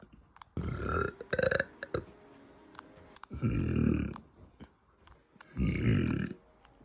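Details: Female with deep, gassy closed-mouth burping: three long, low, rumbling closed-mouth burps with brief pauses between them.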